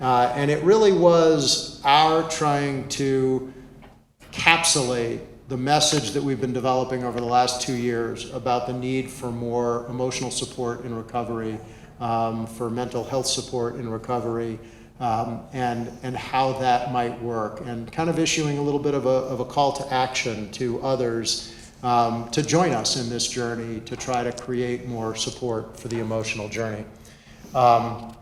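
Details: Adult male speaker; ordinary speech.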